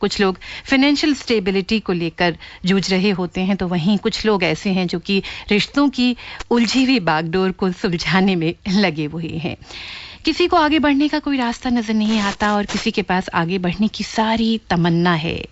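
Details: Adult woman, radio host; typical speech.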